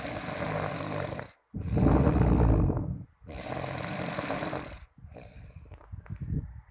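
Loud, harsh rattling snores with brief pauses between breaths, typical heavy snoring during sleep.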